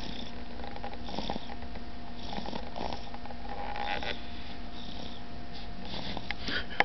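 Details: Ordinary snoring: steady low rumbling with soft snorting noises throughout.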